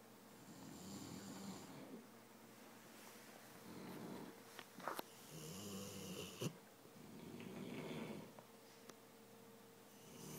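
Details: Low rumbling snores in slow repeated cycles with a few sharp snorts over quiet room noise; two people snoring during sleep.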